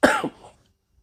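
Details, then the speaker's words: An adult man with a lingering illness says his cough worsens at night in colder air and then continues all night. He says he is not contagious. Cough. "like that it I'll start to cough and once I start to cough then I'll cough like the rest of the night"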